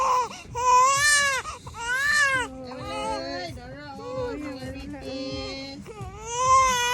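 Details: Baby crying during ear piercing: loud, rising and falling wails with shorter whimpering cries between them; infant crying in distress from pain.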